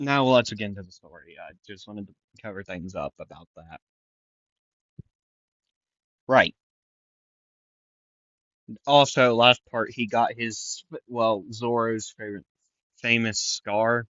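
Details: Male narrator who says he stutters a lot, repeats things and sometimes goes quiet, and who reports being congested and stuffed up; stuttering.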